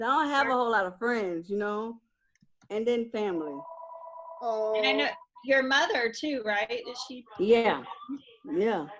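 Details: Adult interviewer in conversation; no speech disorder.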